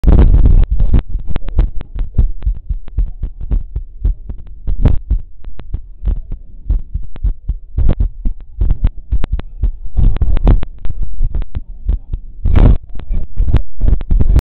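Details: Child's heart sounds recorded with a digital medical stethoscope: rapid, regular low thumps with some scratchy contact noise.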